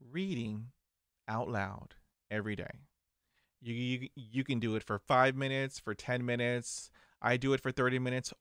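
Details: Man who stutters, managing it with diaphragmatic breathing, meditation, daily reading aloud and mirror practice; audible word repetitions; stuttering.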